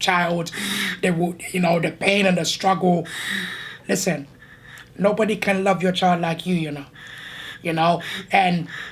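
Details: Adult man born six months premature, living with a tracheostomy, audibly gasping for air while talking: tracheostomy speech.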